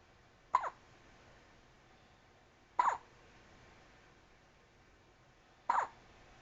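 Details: Newborn baby with hiccups: three short, sharp hiccups a few seconds apart in a quiet room.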